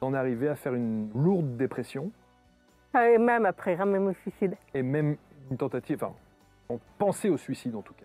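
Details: Adult speaker, French; normal speech.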